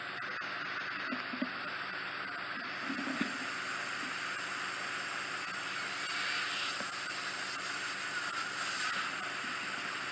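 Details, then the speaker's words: Ear wax suction machine running during a home-visit ear wax removal, clearing deep, stubborn fully occluding soft wax settled onto the eardrum in the right ear: continuous airy hiss with steady high whine and occasional soft gurgles. "it's settled on to the aerial lots of stuff I'll just get the suction machine"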